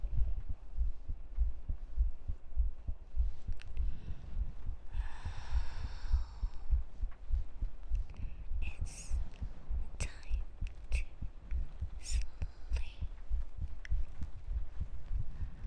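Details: Heartbeat demo during an ASMR mic test with an SR3D PRO MK2 microphone: steady low thumps about 100 a minute under room noise and faint rustling; an ordinary heartbeat.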